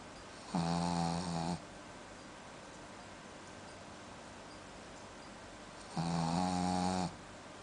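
Two loud, buzzing, rattling breaths about five seconds apart, separated by quiet room noise: snoring during sleep.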